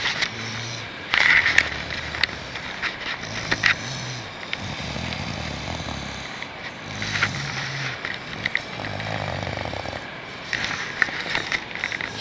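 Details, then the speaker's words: Someone trying to sleep outdoors on a river rafting trip is kept awake by snoring from one or two sleepers: repeated low, rattling snores every few seconds over steady rushing river noise. "okay so I'm trying to go to sleep right now and I can't because of"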